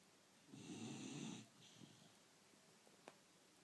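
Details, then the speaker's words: One long, rough, rattling snore on an in-breath, then quiet breathing with faint room noise; snoring. "Лилю ну посмотри Ну хватит храпеть Посмотри в камеру"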